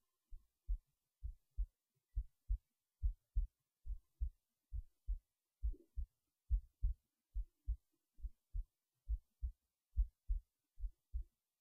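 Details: Heartbeat recorded late at night while resting in bed before sleep: steady, regular paired low thumps at about 70 beats a minute; normal heartbeat.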